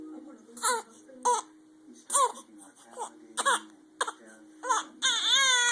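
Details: Infant getting frustrated with hiccups: short, fussy cries in repeated bursts, rising to a fuller wail at the end; infant cry.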